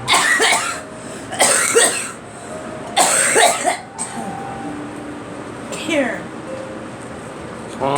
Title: Girl coughing